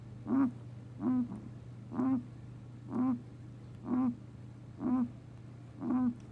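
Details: A 4-year-old male guinea pig makes short, regular squeaky bursts about once a second, seven in a row, persisting after a vet visit; owner unsure whether coughing or sneezing; repeated respiratory noise.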